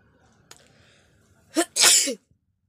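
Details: Person in a sneezing and nose-blowing challenge video, with watery eyes and runny nose from repeated sneezing; a short sharp intake followed by one loud explosive sneeze, then quiet; sneezing.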